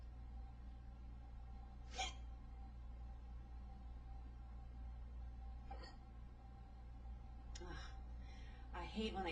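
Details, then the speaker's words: Speaker's own hiccups, bothersome and slow to go away: two brief, sharp gulping catches several seconds apart against steady room hum, a few noises near the end; hiccups. "I hate having the hiccups because they bother me so much but um"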